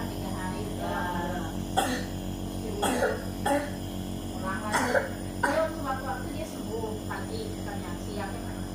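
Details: Young boy with recurrent monthly coughing, later found to have tonsillitis (inflamed tonsils): several short coughs over a steady humming machine, with faint talk.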